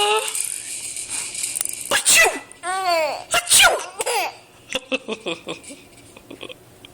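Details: Adult's sharp sneeze burst, followed by an infant's bright, repeated laughter and giggles at the sneeze.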